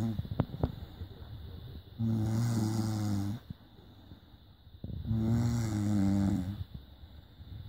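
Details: Snoring during sleep, recorded on a smartphone: loud, low, rattling snores on the in-breath, each over a second long, with quiet exhalations between.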